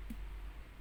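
A single short, muffled tap: the normal dull percussion note over the heart, unlike the resonant surrounding lung.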